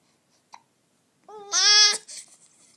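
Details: A sharp click, then a high voiced squeak cut off abruptly as a hiccup interrupts an attempt to vocalize; hiccups.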